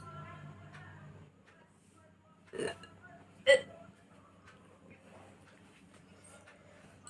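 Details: Natural hiccups recorded for a hiccup challenge: two short, sharp gulping hiccup sounds over quiet room noise, with faint voices at the start.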